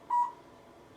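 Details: One short, clear electronic beep in a quiet room from a therapy laser moved slowly along the lumbar vertebrae for chronic low back pain; laser device beep.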